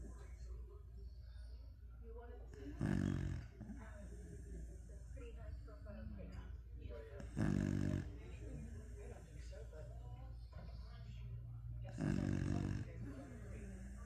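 Loud, low snoring breaths about every four to five seconds, roughly 13 a minute, over a steady room hum and faint background talk.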